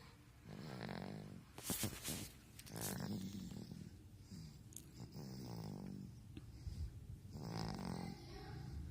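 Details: Snoring: several rough, snorting snores in a row over a steady background hiss.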